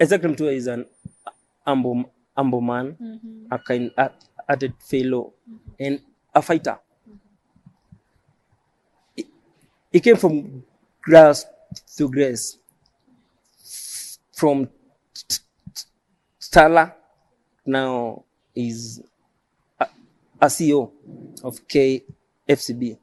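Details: Adult male who stammers, self-described as neurological and present since birth. Finding: stuttering.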